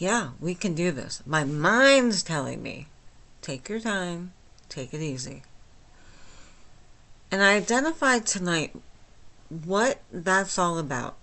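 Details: Adult woman with myasthenia gravis since age 8, with talking and swallowing problems, speaking without her speech appliance; myasthenic dysarthria, understandable but not perfectly.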